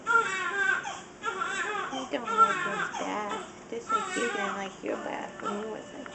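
An infant cries in repeated high-pitched, strained bursts with short breaths between them in a small room.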